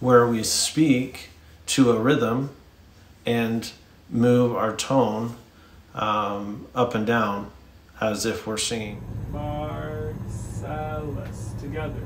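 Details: Adult man speaking; normal speech.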